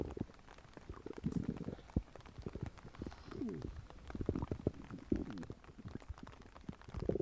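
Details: Stomach grumbling recording: irregular bubbling gurgles, squeaky low rumbles and soft pops; ordinary stomach growling.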